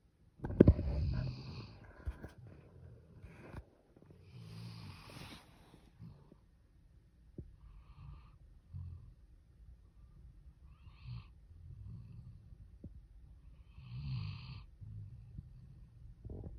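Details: Soft, low snuffling snores with faint whistling on some breaths from a napping puppy, amid quiet room sounds; puppy snoring during sleep.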